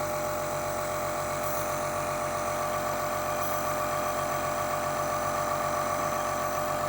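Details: Steady buzzing hum of a small nebulizer compressor motor switched on by a child who says he feels weak and has a cold; nebulizer compressor running.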